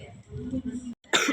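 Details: Adult coughs, one sharp harsh burst after low throaty voicing, during a university vlog; speaker remarks on their cough just before; cough.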